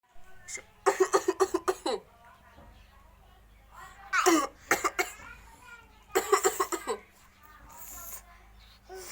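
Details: A young child plays at coughing, making clusters of short, voiced, sing-song pretend coughs with quiet gaps between them: an acted cough, not from illness.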